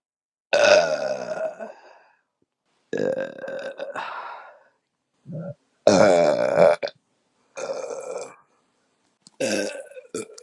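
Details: Adult muffled burp after sharing a six-pack of beer: a series of long, deep, throaty belches with pauses between them; belching (eructation).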